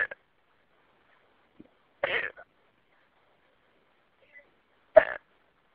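Three short, abrupt gulping sounds about 2.5 seconds apart in a quiet room, typical of hiccups.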